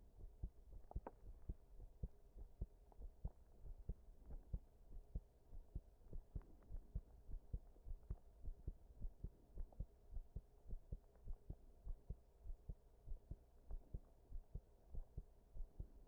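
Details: Irregular heartbeat in a person after staying up all night, recorded standing pressed against a wall: low heart thumps with uneven spacing between beats.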